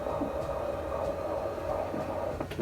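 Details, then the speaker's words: Fetal heartbeat on Doppler: rapid whooshing pulses at about 150 beats a minute, within the normal fetal range. "But I'm pretty sure that I put this inside the last video, but I'm gonna put it in again right here with baby's little heartbeat, so y'all can hear it again because it's cute anyway. So here's baby's heartbeat."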